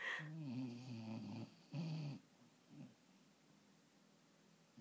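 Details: Dog snoring while lying on owner's knee, wobbling as owner laughs: two low rattling snores on the in-breath, then a quiet out-breath and faint steady breathing; ordinary snoring.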